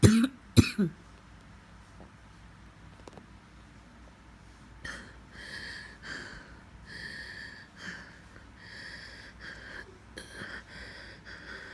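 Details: An adult who has been coughing for five days, enough to be sent home from the office, gives a short cluster of two or three forceful coughs, then quieter breathing.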